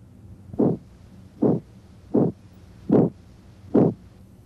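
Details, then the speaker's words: Stethoscope over the renal arteries and aorta: rhythmic whooshing bursts about 75/min, an abdominal bruit that in hypertension raises suspicion of renal artery stenosis, though most bruits have other causes. "in a patient with hypertension a brwy raises suspicion of renal artery stenosis but most brewes have other causes"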